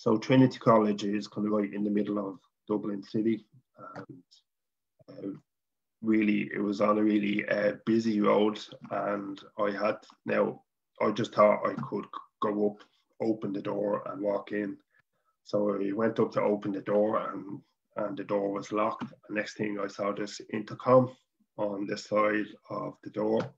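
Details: Adult man from Dublin, Ireland, who stutters, speaking English; stuttering.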